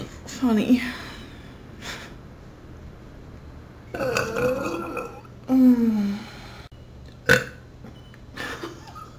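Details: Person burping after drinking a fizzy drink: several long, low, rumbling belches with brief voiced sounds between them in a quiet room; repeated burping.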